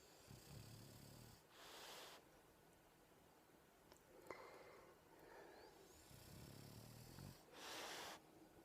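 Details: Dog named Raida snoring while lying on the owner after a walk: slow, soft snoring with a low rattling intake and breathy, hissing outflow, repeating about every six seconds.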